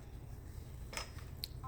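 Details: Two or three short electronic keypad beeps over a steady low room hum from an infusion pump used for labour induction; the patient is para 5, 36 weeks, with a previous caesarean section, and the rate is set on the keypad.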